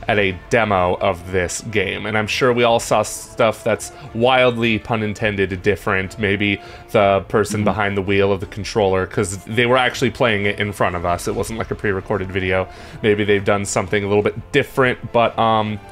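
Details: Adult male speaker; normal voice.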